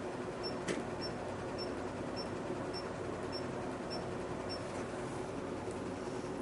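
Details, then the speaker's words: Q-switched Nd:YAG (RevLite) laser firing at 532 nm with a 4 mm spot on an epidermal café-au-lait spot behind the left lower leg of a light Fitzpatrick skin-type patient; regular faint clicks about twice per second over room hum. "this is an epidermal lesion so we're going to treat this with the 532 nanometer wavelength and we're going to use a four millimeter spot size"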